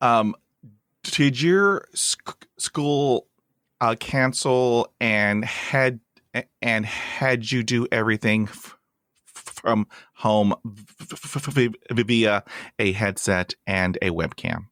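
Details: Podcast host who stutters, introducing a guest, with an audible part-word/word repetition; stuttering.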